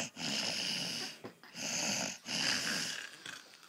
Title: Night night snoring baby